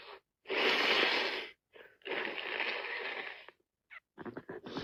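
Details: Person with a wet head cold: long hissing, wet nasal sniffs and snorts with short gaps, congested breathing; sniffling, no clear sneeze in this stretch.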